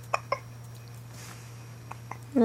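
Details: Infant with a binky (pacifier) hiccuping: several short, sharp, involuntary hiccups over a steady low room hum.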